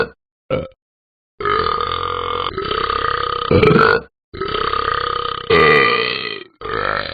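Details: Talking Ben the Dog app game character sound effect: several long, loud, rumbling burps in a row with brief gaps between them; burping.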